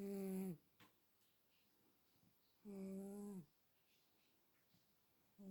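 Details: Dog snoring unusually quietly today: two drawn-out, buzzy, tonal inspiratory snores about two to three seconds apart, separated by quiet breathing; snoring during sleep.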